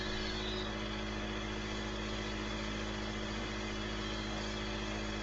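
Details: Young boy receiving a nebulizer breathing treatment: continuous loud mechanical hum and rattle of the nebulizer compressor running.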